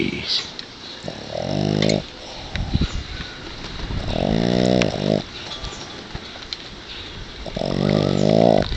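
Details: Dog worn out from too much playing in the yard, asleep in his owner's arms: three loud, rough, rattling snores spaced a few seconds apart over quiet room noise; snoring.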